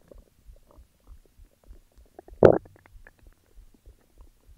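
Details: Soft bubbling gurgles with one louder rumbling burst; stomach growling (borborygmi).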